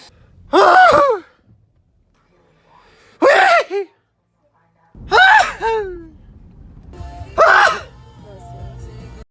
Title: 90 seconds of sneezing